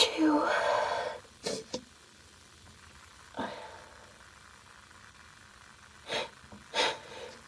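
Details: Female, mostly stifled sneezes: several short, sharp sneeze bursts with quiet gaps between them in a small room.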